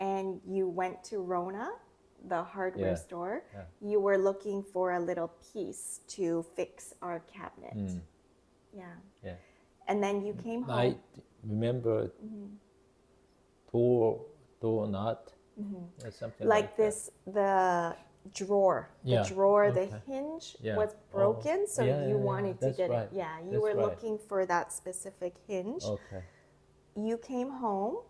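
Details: Adult male with Broca's (nonfluent, expressive) aphasia with word-finding difficulty after a left-hemisphere ischemic stroke in September 2023, earlier global aphasia; Broca's aphasia.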